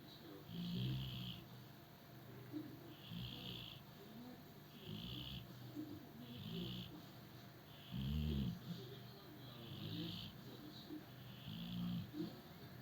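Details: Dog snoring: repeated low rumbling snores with a hissy edge, about 33 to 35 breaths a minute, against steady room noise.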